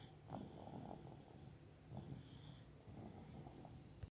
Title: Snoring ZzzzzZzzzz just like his Pepe!!!!!